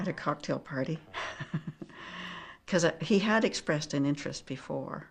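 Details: Adult woman; Normal speech.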